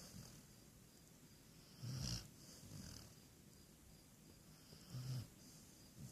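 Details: Two soft, low rattling snores about three seconds apart over quiet room noise; snoring.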